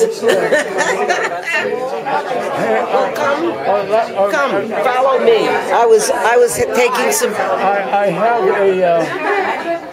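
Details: Speaker presented as an example of aphasia on a stroke-themed channel, with stroke as the cause not stated, speaking conversationally: aphasia.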